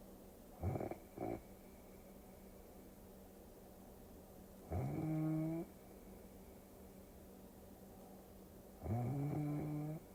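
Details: Snoring sounds mixed with a Tokyo cruising scene for relaxing ASMR: short snorts, then two longer buzzing snores about four seconds apart, over a quiet steady hum; snoring.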